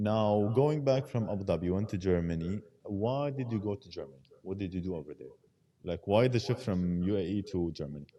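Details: Adult male speaker; no disorder.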